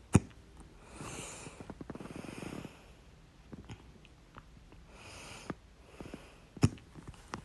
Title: 8-12-23, My Loud, Second Hiccups (Update: Sorry, I was sick and didn’t feel like correcting it)